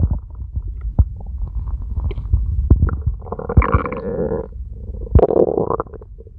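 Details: Red panda at feeding time: low gurgling rumbles with irregular pops, then longer bubbling growls; stomach growling.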